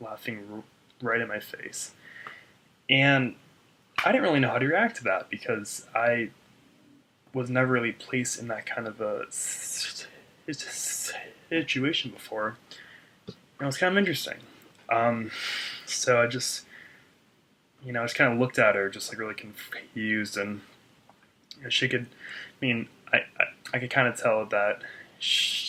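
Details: Adult man who stutters, a speech-language pathologist himself, reporting blocks on his name and secondary eye-tensing and head movements; part-word and phrase repetitions here; stuttering.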